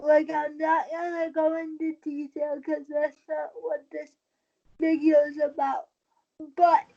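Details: 23-year-old woman with cerebral palsy since premature birth at 27 weeks, a more advanced form affecting balance, wheelchair user; she believes prematurity affects the stability of her speaking; dysarthria (cerebral palsy).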